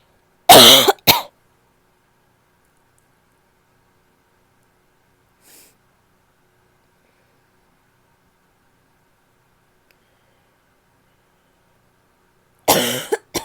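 Two harsh, loud coughs at the start and one more at the end, with a long quiet gap between them: a barky cough.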